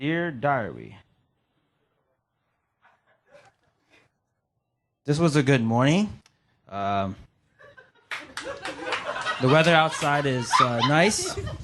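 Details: Adult male comedian who stutters, demonstrating how a stage bit sounds when he says it; stuttering.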